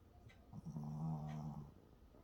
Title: snoring puppy#shorts